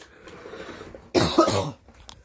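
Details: Harsh, rough single cough after a quiet stretch, from a person with laryngitis who reports talking slightly better than before; cough.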